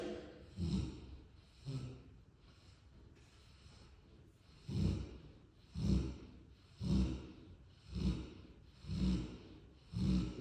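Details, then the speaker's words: Snoring in a sleeping Cane Corso dog: after a brief pause, deep, rattling snorts repeat regularly about once a second, roughly 55 a minute. "My boy tired. Boy, you snoring like a grown man."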